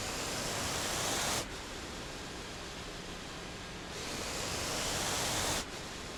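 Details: Steady airy rushing that swells and falls in slow cycles: the normal running sound of a home mechanical ventilator delivering breaths to its user.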